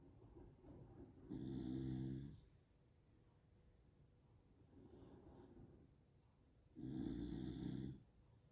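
Two loud rattling snores about five seconds apart with a softer breath between, about 12 breaths a minute.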